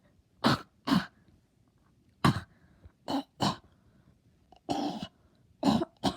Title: POV: I seduce you with my sexc coughing ((EXTENDED!!))